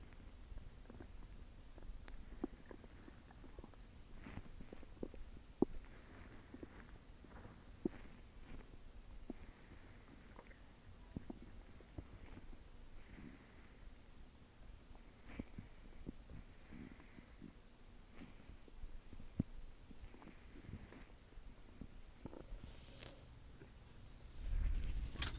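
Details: Stomach growling after an Earth Day dinner, recorded in a closet; soft, irregular gurgles and low rumbles from the belly: borborygmi.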